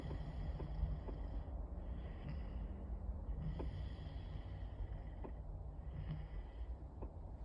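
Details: Adult woman who says she doesn't snore, asleep while out hunting: low, rumbling snorts and snoring breaths against steady outdoor background noise with a few faint clicks.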